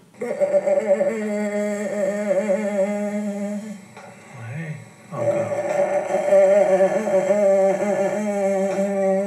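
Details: Adductor spasmodic dysphonia recorded during videostroboscopy, shown in the context of botulinum toxin treatment for laryngeal dystonia; adductor spasmodic dysphonia.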